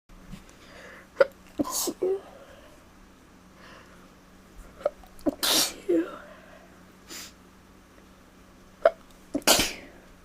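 Three sharp sneezes, each with a quick intake before it, over about ten seconds in a quiet room.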